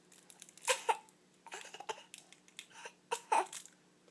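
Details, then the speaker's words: Young child with a bad cough, before a cough drop, gives a short run of several brief, harsh coughs on request in a quiet room. "i need one you think you do yeah um that's the cough i have"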